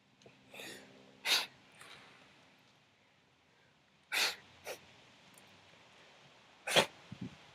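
Three sharp, explosive sneezes a few seconds apart, with soft snuffling breaths between them.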